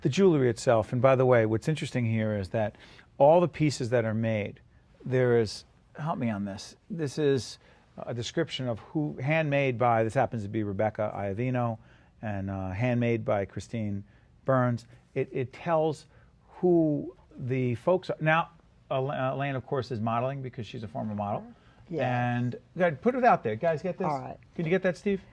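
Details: Adult male speaker; normal speech.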